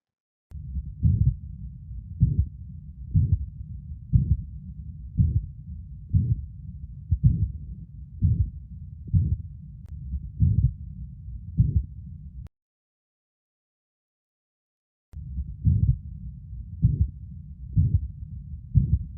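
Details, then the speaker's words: Pathological systolic heart murmur in an animal physiology recording: heart sounds at about 62 a minute with a continuous whooshing murmur between the first and second sounds, which cannot be told apart. "de un soplo a nivel cardíaco en este caso un soplo de tipo sistólico ya que lo vamos a encontrar ubicado entre el primer y segundo ruido o sea en este pequeño silencio"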